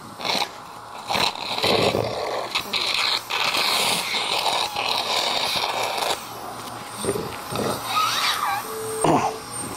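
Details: Productive cough with secretions during tracheal suctioning of an adult man with a tracheostomy, being weaned from a ventilator in long-term acute care: wet, forceful coughs amid suction hiss, bringing up thin loose secretions.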